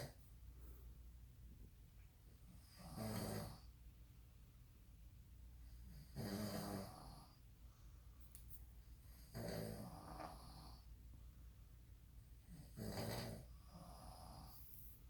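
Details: Father or son asleep on a trip; four loud, rough snores on the in-breath, about 18 a minute, with quiet pauses: heavy snoring during sleep.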